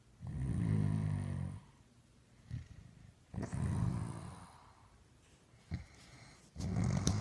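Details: Deep, loud rumbling snores with pauses between breaths, recorded at close range in spring 2015; snoring.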